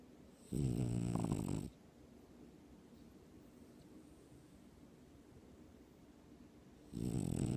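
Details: Loud, deep, rattling, strikingly human-sounding snores, two about six seconds apart in a quiet room, from a sleeping French bulldog dreaming on its owner's chest: snoring.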